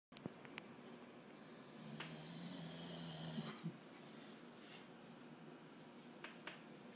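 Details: Snoring from Tigger, a sleeping dog, exhausted after a day with a female basset hound.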